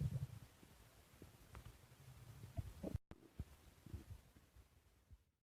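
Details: Quiet low gurgles and rumbling squelches over a soft background hum: stomach growling bowel sounds while digesting lemon cake.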